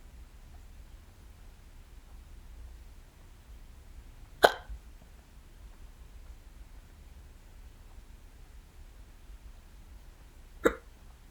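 Two brief, abrupt hiccup sounds about six seconds apart against quiet room noise; ordinary hiccups.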